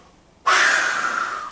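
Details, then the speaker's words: Demonstration NRN spirometry test run: after a deep full breath, a sudden loud rushing blast of air into the mouthpiece, sustained and slowly fading, as the subject is coached to keep pushing; a successful forced exhalation trial. "aths full chest of air blow it out as fast as possible keep exhaling and then take a breath back in"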